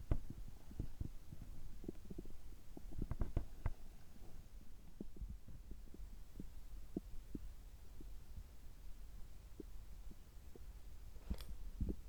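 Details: Abdominal sounds recorded just after a checkup gastroscopy, with normal results; low gurgles, pops and soft rumbling over a steady low hum, ordinary stomach and bowel sounds.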